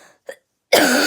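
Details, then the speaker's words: Sick person who says she is ill: brief throat-clearing sounds, then a loud, harsh cough at the end: cough. "Okay, so we're doing this filter. I've seen all over YouTube, and don't mind my hair because I'm sick right now, and don't mind me coughing."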